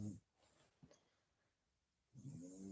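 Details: Snoring.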